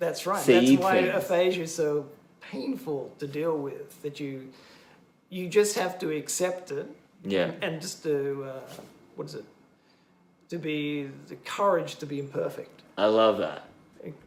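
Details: Adult male stroke survivor, bilingual English teacher, with expressive aphasia affecting both English and Japanese after a stroke during heart surgery four years earlier; word-finding difficulty, circumlocution, cognitive fatigue; language reportedly around 50-60 percent, gradually improving; expressive aphasia.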